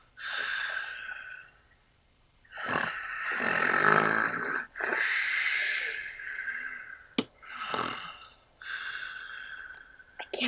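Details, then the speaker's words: Father snoring in sleep, so loud others can't sleep: loud, harsh rattling snores with each breath in, separated by quieter breaths out. "He's so loud I can't sleep."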